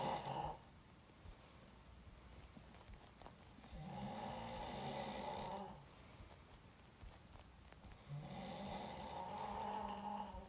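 Loud rattling snores on each breath in, about two in ten seconds, with quiet breaths out between; snoring during sleep.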